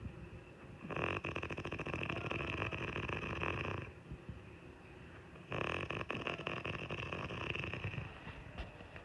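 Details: Adult woman (wife) snoring in sleep: two long, loud, rattling inspiratory snores separated by quieter exhalations; heavy snoring.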